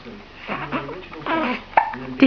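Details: Baby cooing happily is broken by two sudden, sharp, brief catches in the voice; infant hiccups.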